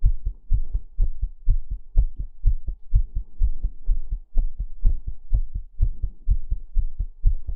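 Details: Soft, steady paired low thumps at about 63 beats a minute in a regular rhythm; realistic heartbeat for relaxation, normal heartbeat with no other sounds.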